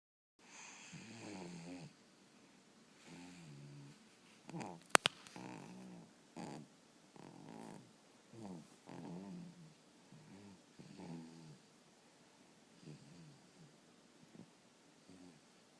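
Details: Sound asleep and snoring: soft, rhythmic snoring at about eight breaths a minute, steady and relaxed, with a faint click in a quiet room.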